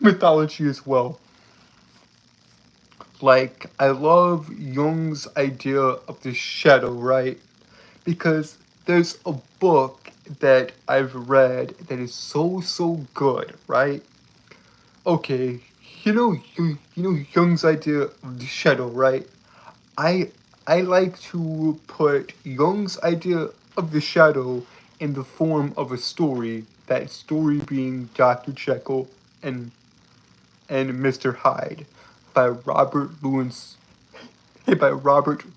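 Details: Adult man with a lifelong speech impediment he calls a disability, speaking with a slight southern accent; stuttering.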